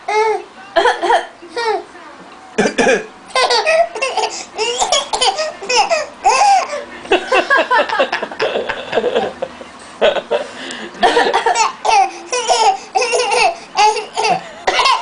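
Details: An infant gives short, deliberate play coughs amid family laughter, performed on request as a routine; voluntary cough, not illness.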